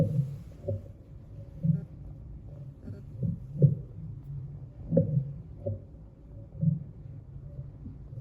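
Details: Normal bowel sounds heard by stethoscope auscultation over the abdomen: soft, irregular gurgles and low bursts about every second.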